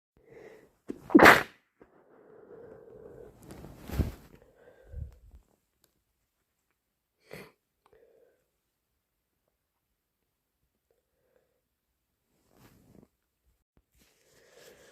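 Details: Sneezing with a cold: a loud, wet, messy sneeze, then congested snotty nose blowing and sniffing.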